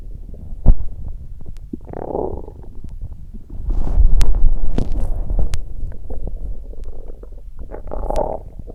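Low gurgling and rumbling from the belly, coming and going irregularly; ordinary stomach growling, a normal digestive sound.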